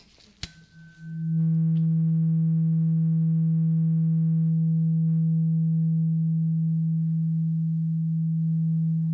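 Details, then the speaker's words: A sharp strike, then a steady, pure, slowly fading tuning fork tone in a role-played ASMR ear exam, used for a hearing test before cleaning the ears, which feel clogged with wax. "So, I'm going to get a tuning fork and I need you to close your eyes. And I want you to tell me when you hear the tuning fork sound stop, okay?"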